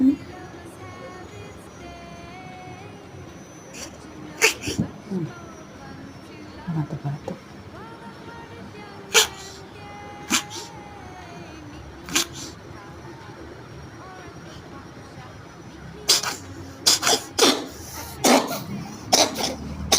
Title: #meong#cats cough#kucing #batuk #kucingkampung